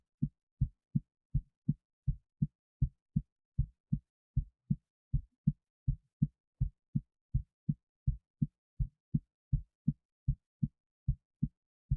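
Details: Adult's heartbeat recorded during an EKG setup before chest weighting, steady, quick, low thumps while excited; normal heartbeat, fast.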